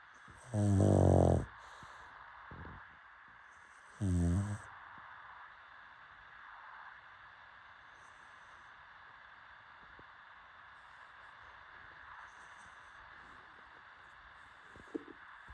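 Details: Pug dog snoring: two loud, fluttering snorts a few seconds apart, then quiet breathing.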